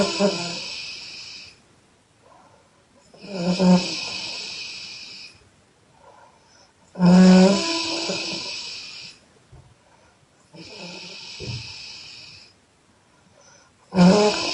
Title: Loud Exhale snoring by Chinese girl (Part-1)